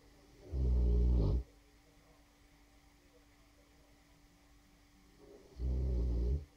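Two deep, rumbling snores about five seconds apart, with quiet between them; ordinary dog snoring.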